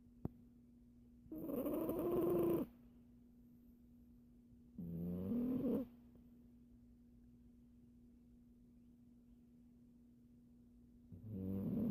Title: Siamese cat snoring away